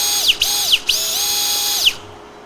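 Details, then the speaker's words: Powered reamer boring the femoral tunnel, knee flexed about 110 degrees, during right-knee ACL reconstruction: high-pitched motor whine dropping and rising, then spinning down. "i read the thermal tunnel i want to get to about 30 millimeters if i can anywhere between 27 and 30 millimeters is long enough"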